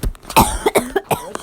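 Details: Young man (college student) in a dorm bathroom at 4:30 am coughing his lungs out: several short, harsh coughs with a voiced, throat-clearing quality in a quick burst; he had looked dead to others; cough.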